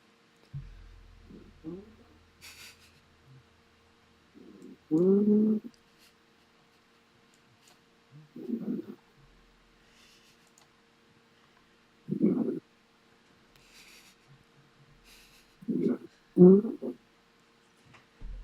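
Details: Snoring at 6 AM: rhythmic low, rattling snores repeating every few seconds, about 16 breaths a minute, in a quiet room.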